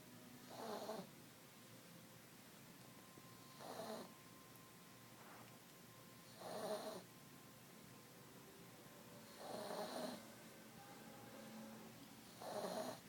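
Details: Sleeping cat snoring softly and regularly, about one snore every three seconds in a quiet room; ordinary harmless sleep snoring.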